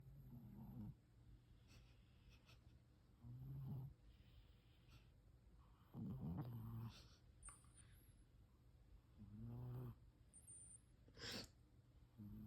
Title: Midnight snoring! Sorry everyone for not being on here! We are back!